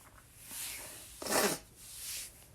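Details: Adult male: breathy intake, then one forceful, wet sneeze burst, followed by a further breath; sneezing.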